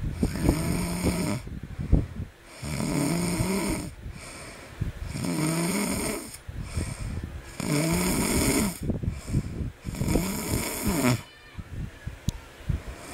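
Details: Baby snoring during sleep: loud, rattly snoring on each breath, about 12 breaths a minute, with quiet pauses between.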